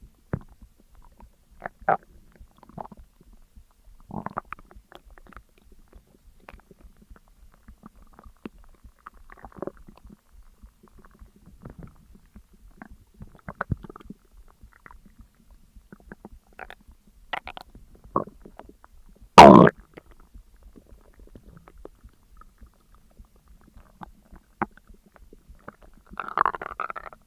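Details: Scattered abdominal gurgles and clicks with one loud burst, heard during digestion after a large McDonald's meal of a double cheeseburger, large fries, a large coke and a caramel McFlurry: active bowel sounds (borborygmi).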